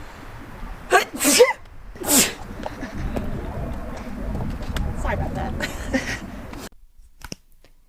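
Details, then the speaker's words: A young woman with suspected allergies and sinus trouble: a couple of sharp sneezes near the start, then ongoing background noise; sneezing. "no sorry I couldn't even warn you I tried started watching it but then I'm going to sneeze oh god oh sorry"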